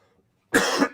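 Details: An adult man on a live show, whose throat is already bothering him, gives a single short, harsh cough after a brief silence.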